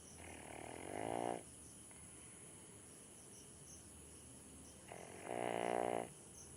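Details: Snoring from a sleeping dog: two drawn-out, buzzing breaths that rise in pitch, with a steady insect-like hum in the background.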